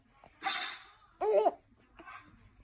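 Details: A dog gives a sharp, breathy sneeze, then a baby laughs brightly, followed by a softer second sneeze or snort: ordinary dog sneezing.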